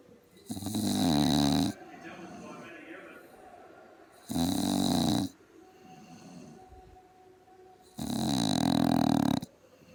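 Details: Sleeping pug dog snoring loudly with long, rattling snores, three in ten seconds, quieter breaths between, faint television commentary in background; snoring.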